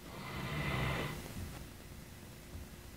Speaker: yes, that is my dog snoring.